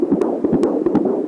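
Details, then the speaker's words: Fetal heartbeat of a baby girl recorded on a handheld baby Doppler, fast whooshing pulse with sharp clicks, a portion possibly clipping on the Doppler: fetal heartbeat on handheld Doppler. "that was a part of the heartbeat recording where i think maybe it was clipping on the doppler"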